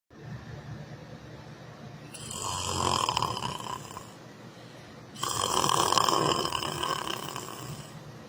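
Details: Person snoring while sleeping in church: two loud, harsh, raspy snores, each about two to three seconds long, with quieter breathing between them.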